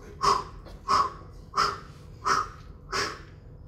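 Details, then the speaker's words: Vocal imitation of a carotid bruit heard when listening over the neck in carotid artery disease: five rhythmic whooshing bursts representing a narrowed carotid artery; not a real recording. "Now, what you might have experienced, or your loved ones may have experienced, is carotid artery disease. Doctor will listen to your neck, and you'll hear a bruit."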